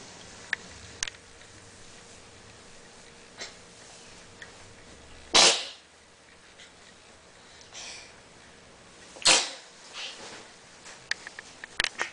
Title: Sneeze Please